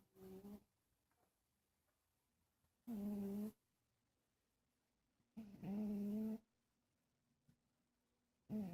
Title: Cat Snoring?